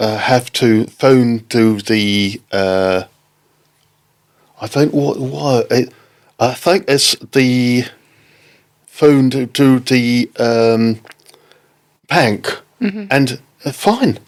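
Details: Adult man left with aphasia after a stroke in October 2019, recounting an experience with halting, non-fluent speech: non-fluent aphasia.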